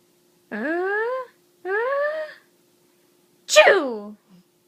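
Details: Child asked to sneeze gives two rising, drawn-out voiced 'ahh' sounds, then a sudden sharp burst falling into a voiced tail: a sneeze, possibly playful or prompted.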